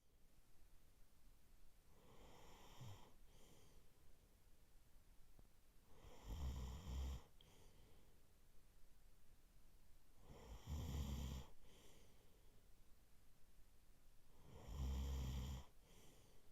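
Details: Adult man asleep, recorded for sleep ASMR: slow, deep, rumbling snores about 15 a minute, each on a breath in, with quiet between; steady sleep snoring.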